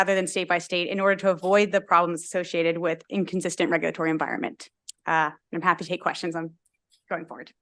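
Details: Adult speaker; normal speech.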